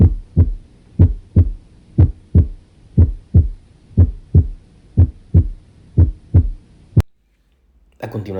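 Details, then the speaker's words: Normal heart sounds, regular lub-dub at about 61 beats a minute, first heart sound emphasized, auscultated with the stethoscope diaphragm where it is loudest, at the mitral and tricuspid areas. "escucharemos el primer ruido cardíaco el cual se oculta con el diafragma del estetoscopio y tiene mayor intensidad en el foco mitral y foco tribus vídeo"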